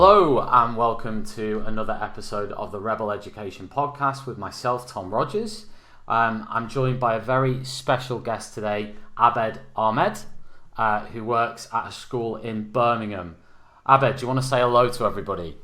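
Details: Adult man speaking; Fluent speech.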